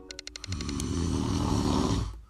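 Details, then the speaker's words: Adult's own recorded habitual snoring during sleep, heavy enough to disturb bed partners: after faint music clicks, one long, loud, low rattling inhaled snore of about a second and a half; heavy snoring. "sound is me snoring I had never heard it before until I recorded it but every person that had slept next to me has suffered through it"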